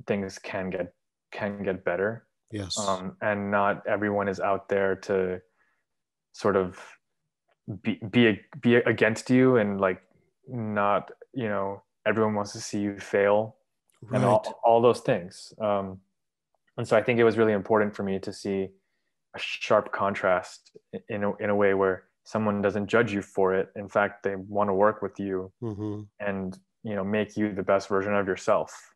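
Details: 23-year-old man who has stuttered since about age three, English and Urdu speaker, speaking with hesitations; describes having emancipated himself from stuttering; stuttering.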